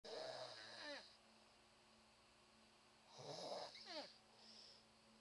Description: Haha, another video of my mom snoring. this one actually has pretty good sound quality, cuz i was closer to her.